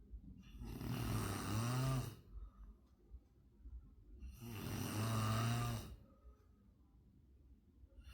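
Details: Two loud, rattling snores on inhaled breaths with quiet exhalations between, about 16 breaths a minute: snoring.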